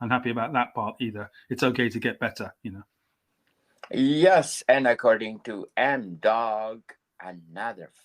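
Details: Adult male English writer, stammering since age five; stammer comes and goes, had speech therapy at 29; stuttering.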